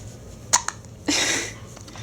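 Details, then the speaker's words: Infant boy nearly seven weeks old with relentless hiccups: two short, sharp catches in his breathing, then a soft breathy exhale; typical harmless baby hiccups. "are they kind of annoying they kind of annoying aren't they"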